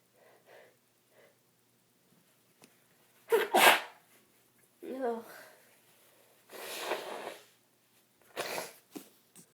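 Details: A run of about four forceful, explosive sneezes in a quiet room from a person with a bad cold.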